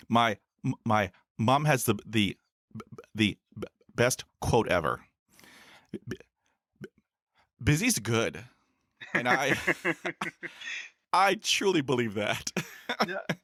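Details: Adult male podcaster who stutters, since school years, with about 20 years of speech therapy in school, college and the US Air Force: stuttering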